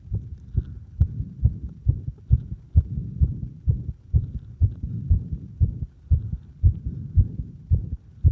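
Regular low thuds of a heartbeat, roughly 68 beats a minute, heard at the apex with firm stethoscope pressure: normal heart sounds.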